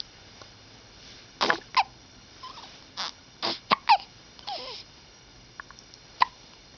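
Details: Several short, abrupt catching sounds with small vocal squeaks between them, fitting a bout of hiccups; hiccups.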